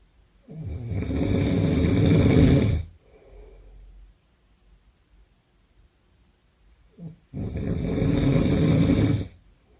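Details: Hard snore: two long, loud, rattling inspiratory snores about six seconds apart, with a soft breath between; heavy snoring.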